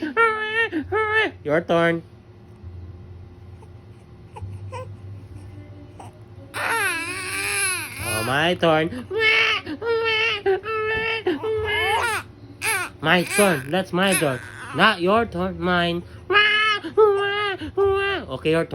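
Baby crying in repeated bursts with rising and falling wails, a quieter pause in between; faint background music.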